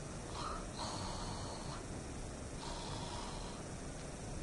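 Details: Imitated snore-like sound: two soft, rasping throat sounds made at the back of the mouth, demonstrating the German "ach" sound in a pronunciation lesson.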